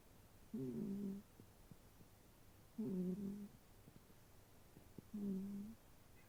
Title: Snoring Cat. So sweet! 💤💤💤😻